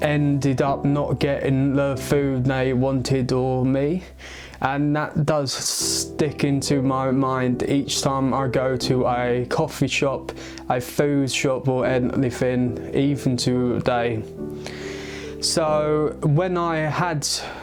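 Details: Male who has stammered since age eight; he links it to a skull fracture from a baby-walker fall at age three or four. Stuttering.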